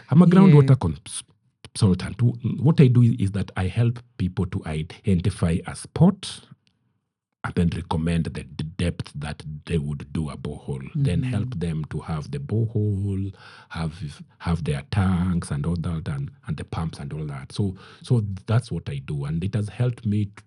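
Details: Adult man who stammers, saying it is genetic, inherited from his mother, and at times acute; word and part-phrase repetitions are heard; stuttering.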